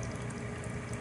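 Continuous low bubbling and gurgling as oxygen passes through the water of a concentrator's humidifier bottle.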